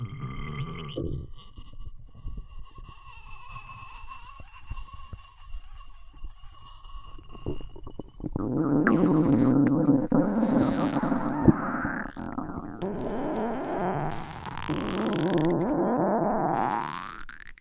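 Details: Stomach growling (borborygmi): low gurgling rumbles and rising squeaky tones from the belly.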